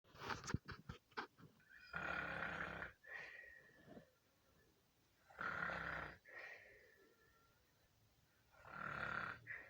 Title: SNORE WARS